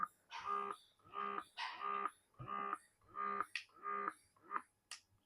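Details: MeeMee electric breast pump running in suction mode with adjustable suction level: rhythmic tonal mechanical groans about 88 a minute as it cycles, attached to a 150 ml bottle that collects the milk.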